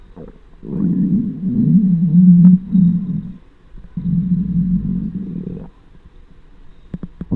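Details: Hunger stomach noises recorded with a microphone on the belly of a very large person: two long, low rumbling gurgles, each lasting a few seconds; normal borborygmi.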